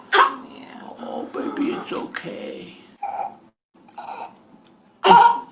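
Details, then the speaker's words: A baby with laryngeal croup accompanied by the mother gives harsh barking seal-like coughs around a hoarse, dysphonic cry, with inspiratory stridor on noisy indrawn breaths; croup. "Ahí tenemos también la la tos que previamente mencioné y casi que al momento de respirar este niño tiene un sonido diferente. Ese es el famoso estridor inspiratorio."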